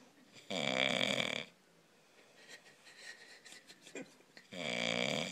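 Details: Sleeping dog snoring: two buzzy, rattling breath sounds about four seconds apart with quiet between.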